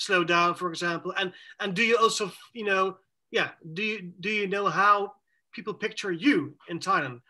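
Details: Adult male with self-reported cluttering, speaking in a conversational interview about the disorder; fast speech with repetitions and fillers; cluttering.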